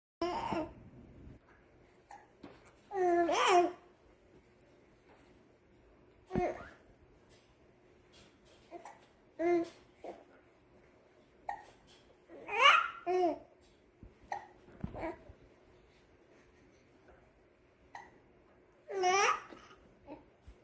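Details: An infant, one of twins, with hiccups that won't stop: repeated sharp little hiccup catches with soft babbling and cooing in between.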